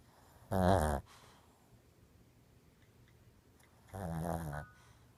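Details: Sleeping Shih Tzu snoring: two harsh, buzzing snores roughly three seconds apart, with faint room noise between.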